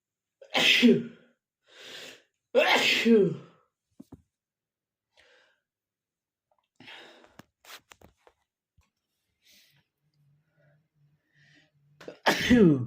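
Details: Person unable to stifle sneezes: three loud sneezes with sharp in-breaths before them, then quiet breathing and faint rustling before another sneeze starts; repeated sneezing.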